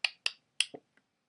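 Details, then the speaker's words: Teenager with Tourette's syndrome and OCD: a quick run of sharp clicking noises made with the cheek, about five in one second; vocal tic (cheek clicking). "this one's like a new one like I I do it a lot in school for some reason but not when I come home um not that it's like I make this little clicking noise with my like with my cheek like I'll just"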